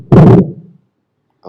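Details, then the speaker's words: Teaching lung-sound recording: continuous rhonchi heard on both inspiration and expiration, linked to thick sputum on bronchial walls, as in bronchitis, and clearer after changing position: rhonchi. "เคอีกครั้งหนึ่งเนาะลองคายซาวจะได้ยินทั้งการหายใจเข้าและการหายใจออกนะฮะโอเคอันนี้คือ continuous sound เนาะ"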